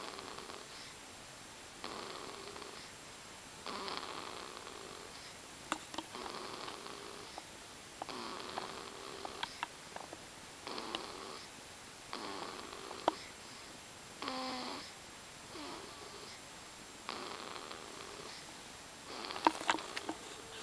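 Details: Snoring during sleep: regular rattling, buzzing breaths about every two seconds, roughly 30 a minute, with quiet gaps between.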